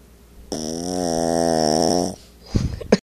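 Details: 8-lb Yorkie dog snoring: one long, loud, buzzing snore over a second, followed by brief snuffling sounds.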